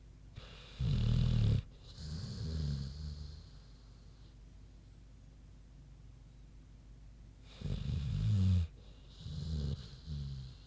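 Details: Two cycles of deep rattling snores on the in-breath, each followed by a softer grunting out-breath and a pause, from a big pig sleeping.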